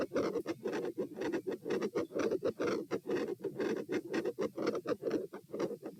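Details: Heart sounds recorded at chest position P in part 3 of a lie-stand-lie postural stress test, rate 84-120-126-78 bpm: loud, dense waveforms with abrupt intensity changes.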